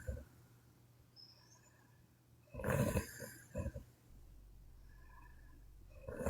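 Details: A sleeping Chinese woman snoring: one loud, rough snoring breath with a shorter follow-up noise, then quiet room sound.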